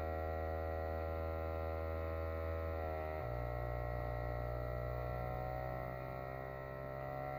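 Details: Kinetik Wellbeing fully automatic upper-arm blood pressure monitor, which measures on inflation, inflating its cuff: steady motor hum with a shift in pitch partway through.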